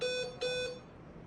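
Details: Two short, high beeps from an IE 12 patient monitor as the CO2 (capnograph) sensor finishes its zero set to room air; monitor beep during capnograph zeroing.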